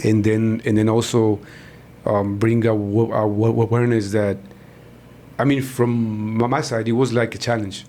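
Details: Adult man, born in Mexico and living in Texas, who describes himself as a person who stutters; stuttering.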